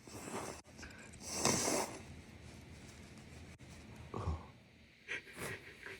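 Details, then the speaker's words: A couple of explosive sneezes, each after a sharp intake of breath, then sniffing in a small room, from a person who says they have a bad cold; sneezing. "god. Oh. I got a bad cold."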